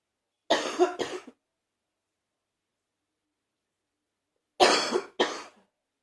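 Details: Two pairs of harsh, loose-sounding coughs about four seconds apart, four in all; a productive morning cough that lasts about 45 minutes.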